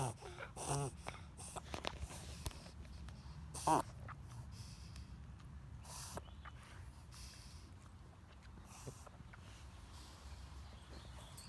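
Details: Dog with near-daily wheezing episodes, sometimes lasting several minutes, each ending in a large burp; short snorting, gasping breaths with a few brief whistling notes. Cause unknown to the owner.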